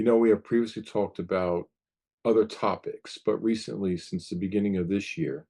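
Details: Adult male podcast host; typical speech.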